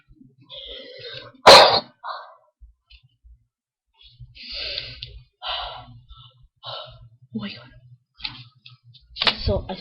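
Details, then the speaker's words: Acted sneeze in a comedy skit, not real: a single sharp, loud sneeze burst among quiet speech. "sneeze money I really sneeze money oh my god"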